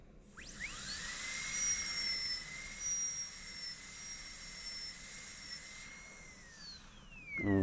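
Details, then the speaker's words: Steady high-pitched whine of a dental drill running several seconds then winding down, cutting a distal-occlusal Class II amalgam preparation on a maxillary molar in a teaching demonstration. "so now we're going to cut from there in straight we'll adjust the angle until it's 90° by trial and airor it's a little bit obtuse"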